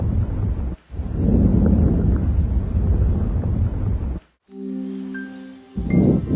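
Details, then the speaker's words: Soft, low rustling breath sounds through a stethoscope over the lung fields away from the main bronchi: normal vesicular breath sounds during chest auscultation. "You should also hear bronchovesicular sounds over the main bronchi and vesicular sounds over the rest of the lung fields."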